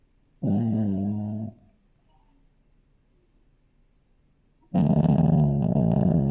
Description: Adorable snoring puppy dog. #relaxing #youtube #dog #puppy #shihtzu